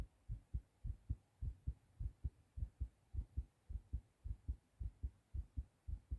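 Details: Adult male, recently sick, fast heartbeat recorded after a hard cough: strong, regular lub-dub heartbeats at a quick pace of about 105 beats a minute, tachycardia.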